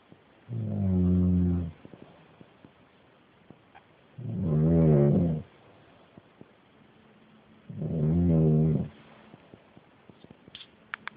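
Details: Loud, deep, rattling snores in a steady rhythm, about 17 a minute, with quiet pauses, from an uncle while sleeping; heavy snoring.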